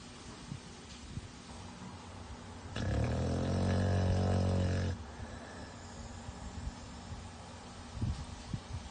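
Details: American Bully dog sleeping in his crate: a single long, low, rattling snore lasting about two seconds, with quiet breathing and small noises around it; snoring.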